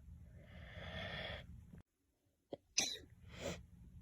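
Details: Person sneezing while talking on camera: a drawn-in breath, a pause, then a sharp sneeze burst with a second explosive release; an ordinary sneeze.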